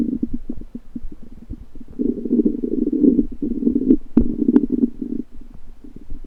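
Bubbling, gurgling rumbles in bursts with a few sharp pops; ordinary stomach rumbling.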